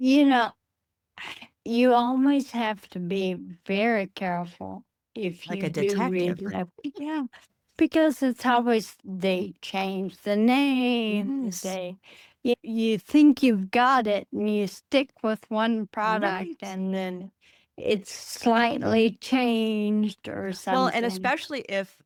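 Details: Adult woman with Friedreich's ataxia, a rare progressive neurodegenerative disease diagnosed at age 23, which she says affects speech and can cause speech and swallowing difficulty; she uses a wheelchair. Finding: ataxic dysarthria.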